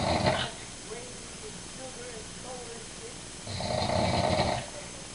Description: this is my dad snoring